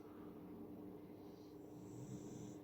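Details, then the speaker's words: Two sleeping dogs snoring at home: soft, low, continuous rumbling under room noise and speech; snoring. "if you can hear snoring by the way both dogs are now snoring so whatevers"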